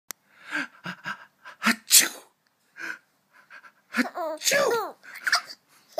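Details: Baby laughing at an adult's sneezes: several sharp sneeze bursts followed by baby giggles and voices; normal sneezing.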